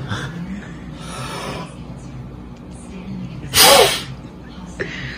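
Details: Short, sharp, forceful blast of breath into a peak flow meter by an adult, holding it with both hands, with faint background noise; second of three blows, reading 590; a forced expiration for measuring peak flow.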